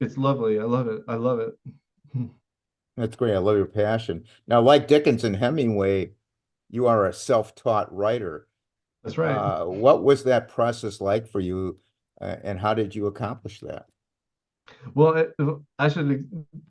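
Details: Adult male podcast host; normal speech.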